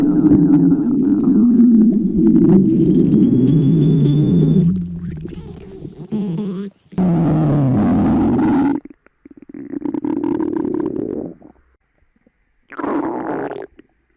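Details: Stomach growling (borborygmi): loud, low gurgling rumbles in several long bursts from moving gas and fluid.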